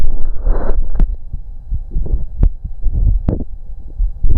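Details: Low thumping heartbeats through a stethoscope with some rubbing noise; normal heart sounds auscultated on the recorder's own chest during breath holds.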